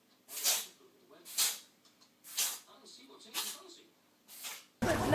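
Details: Five short, sharp, hissy bursts a second or so apart, ending in a loud noisy burst; small animal sneezing.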